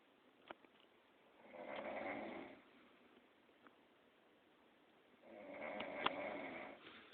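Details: Adult woman snoring in sleep: two long, rough snores about three and a half seconds apart in a quiet room, with faint clicks between.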